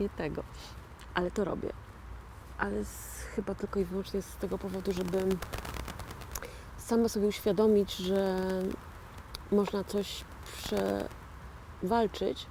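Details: Post-stroke aphasia in a 41-year-old woman, real (not acted), who had a stroke in 2009 and calls herself a stroke survivor and an "aphasian"; finding: aphasia after stroke.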